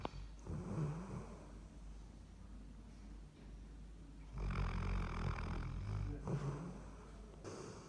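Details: Luffy, a sleeping Labrador, makes low, rumbling, throaty snores that rise and fall with his sleep breaths, over steady background hum; the owner at first did not believe he really snores.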